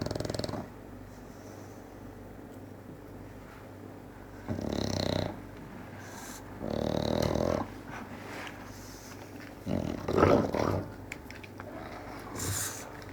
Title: Bulldog snoring whilst awake.